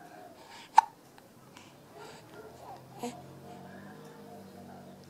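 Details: Gabriella with the hiccups: a sharp, abrupt hiccup near the start and a softer one later, with faint vocal sounds between; hiccups.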